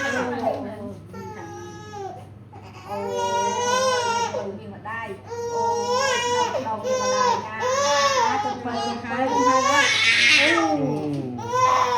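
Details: Loud, tearful crying with wailing bursts and whimpers from a 3½-month-old baby boy after his routine vaccine injection, with adult voices softly comforting in the background; infant crying.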